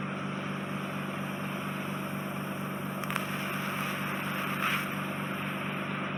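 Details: Endoscopic ear wax microsuction of soft, wet wax coating an inflamed, scarred (tympanosclerotic) eardrum in a woman: steady hissing suction with faint crackles as wet wax is drawn off near the eardrum.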